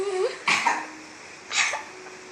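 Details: An 8-month-old baby imitates a cough on a parent's request: two short, breathy cough-like bursts with quiet room sounds between them. This is an imitated cough, not a real one.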